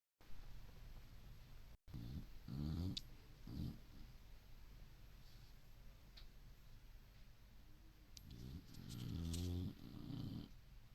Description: Ruby, our senior boxer, in a deep sleep, snoring along, lost in a dream!